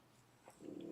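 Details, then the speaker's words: Grunting or snoring from a resting French bulldog, about 10 years old, lying in a home office: a brief, low, rough nasal grunt in a quiet room. "And if you can hear some grunting or snoring at the back, that's my dog, Pedro. He's a fresh bulldog. He's about 10 years old and he loves to be in whatever room my wife or I'm in."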